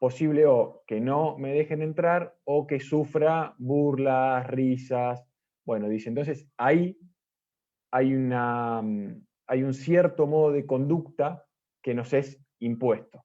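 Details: Stuttering in an Argentine man, first-time participant in a stuttering presentation-practice group, giving a deliberately unprepared talk because of problems with spontaneous speech; a part-word repetition is audible.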